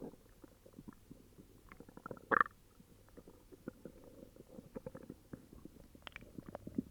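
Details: Upset stomach: quiet, irregular gurgling and bubbling with one louder squelch midway: borborygmi.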